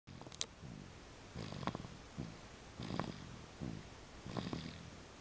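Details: Pet snoring during sleep: soft rhythmic snores with repeated low rattling breaths and faint snorts, about one breath every 1.5 seconds.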